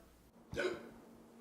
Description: The search for a hiccup cure continues.